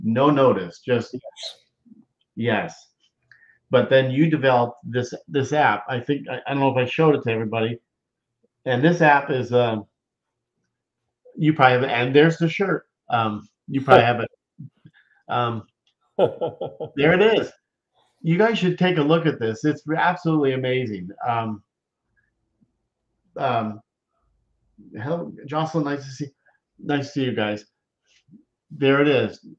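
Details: Adult male speaker; aphasia.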